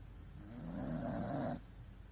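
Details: Welsh Corgi snoring while asleep after a bath: a single low, rattling snore lasting about a second, over quiet room noise; snoring.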